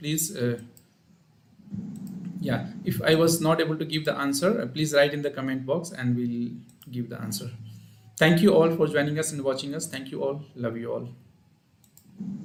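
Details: Adult male speaker; ordinary speech.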